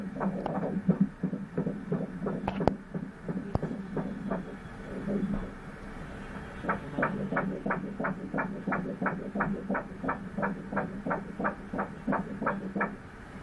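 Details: Doppler ultrasound fetal heartbeat at 11 weeks of pregnancy, stated rate 178/min, fetus measuring 4.74 cm: fast, regular whooshing pulses, no bleeding reported.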